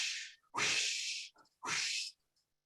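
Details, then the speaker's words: A spoken imitation of the aortic stenosis heart murmur heard with a stethoscope: three breathy, whooshing hisses, contrasted with the normal lub-dub. "and the reason it makes that sound is all those little blood components and blood cells inside your uh blood are banging up against each other when they try to fit through that little hole that makes a sound and this is what we call a heart murmur"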